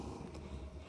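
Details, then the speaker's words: Quiet, low, rumbling snore from a sleeping dog, heard faintly in the background of a room. Finding: snoring. "I apologize if you can hear my dog snoring in the background"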